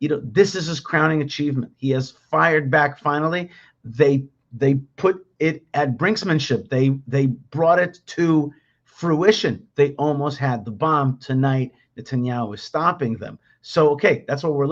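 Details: Adult male speaker; Normal speech.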